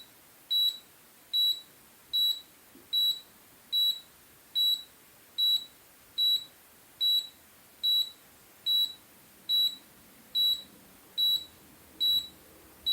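Steady high beeps, about 73 a minute, with faint hiss between them; a blood pressure monitor sounding while it measures.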